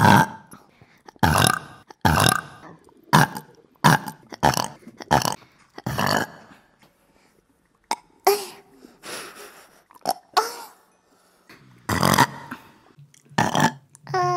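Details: Woman burping: loud, repeated belches, some short and some drawn out, in quick succession with brief pauses, from a burp compilation; a string of burps.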